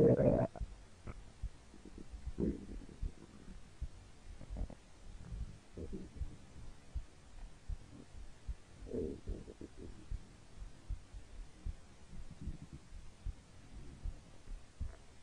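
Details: Hungry stomach growling recorded for about three minutes: faint, low rumbling gurgles over steady hiss; borborygmi.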